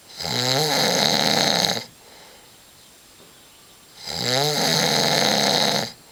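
Two loud, rough snores on inhalation, about four seconds apart, with quiet exhalation between, about 15 breaths a minute.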